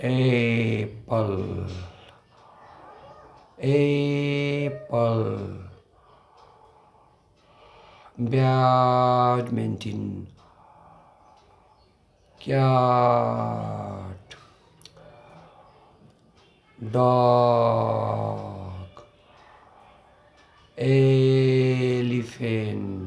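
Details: Person who stutters demonstrating single words with costal breathing and deliberate prolongation to overcome blocks; prolonged speech technique for stuttering.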